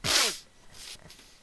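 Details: Adult male with Tourette syndrome, who says his tics are a little intense tonight, produces a sudden sneeze- or snort-like involuntary vocal tic; vocal tic (Tourette syndrome).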